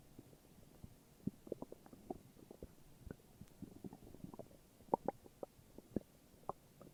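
Soft gurgles and brief squeaky rumbles scattered over several seconds: ordinary bowel sounds, stomach growling.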